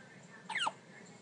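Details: Single brief, sharp vocal catch over quiet room noise, a hiccup from one of newborn identical twins with hiccups.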